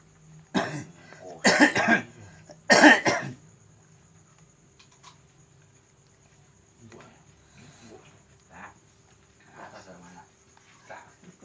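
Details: A man receiving nerve-pressure (totok saraf) therapy for a cough attributed to a supernatural disturbance gives three loud coughs close together, then quieter throat sounds and soft coughs in a quiet room.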